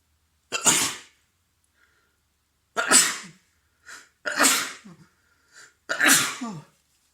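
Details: Adult with a cold and a completely stuffed, blocked nose, sneezing repeatedly: a run of four forceful sneezes a few seconds apart, each a sharp airy burst.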